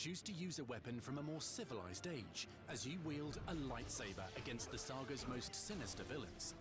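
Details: Adult male narrator; normal speech.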